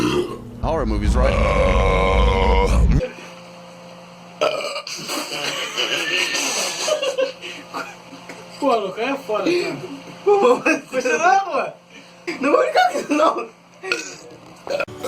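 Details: Burping: one long, loud, rumbling belch lasting a few seconds, followed by talking and background music.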